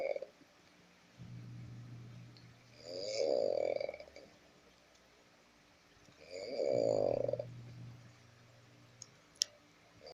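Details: Sleeping adult man (father) snoring: loud rattling snores on each in-breath with a low hum on breathing out, about two breaths in ten seconds.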